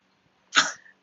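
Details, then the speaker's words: Dog with asthma giving a single short, harsh cough against a quiet room: dog cough, canine asthma. "um my dog has asthma and it's like coughing over here so sorry about that if you can hear that"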